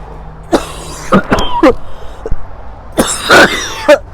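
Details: Repeated cough from a person who says they are sick and struggling to book a doctor's appointment, and feels they will pass out with each cough.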